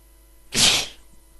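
A single explosive, hissing burst of air about half a second long, a typical sneeze.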